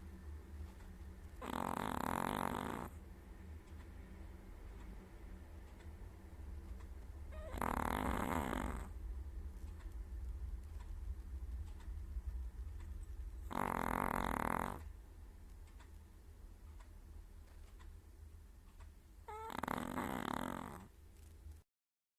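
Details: Chihuahua dozing and snoring loudly: rumbling, rattly noises on each breath, about ten a minute.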